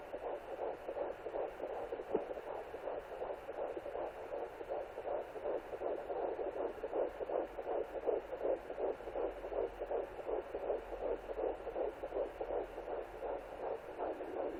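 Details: Fetal heartbeat at 11 weeks 0 days of pregnancy on a Sonoline B pocket fetal Doppler: rapid, regular whooshing pulses around 160 a minute, a normal early fetal heartbeat.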